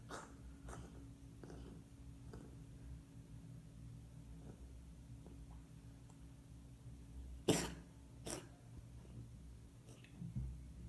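Two sharp, harsh cough bursts from a dog with a few softer ones, over steady low room hum.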